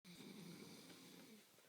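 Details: A single rough, rattling, creaky snore on an in-breath, lasting just over a second, from a sleeping male who does not wake even when slapped; snoring.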